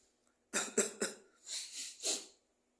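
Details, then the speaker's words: Simulated cough in a comedy skit: an adult, claiming to have swallowed tobacco stuck in the throat with shortness of breath, gives three quick sharp coughs then two longer harsh, breathy hacks like throat clearing. "Tembakaunya ketelan masuk. Yes. Separuh ketelan. Enggak bisa masuk ke dalam. Enggak bisa keluar nih, Bib."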